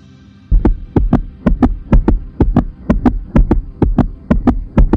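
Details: Steady paired lub-dub thumps of a human heartbeat repeating without pause.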